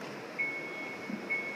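Two steady high-pitched electronic beeps over room hum, an alarm tone from a bedside hospital machine.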